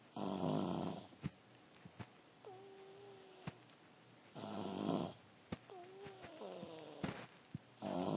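Loud rasping snores recur about every four seconds, with faint squeaky whistles between breaths; ordinary snoring in a sleeping pet.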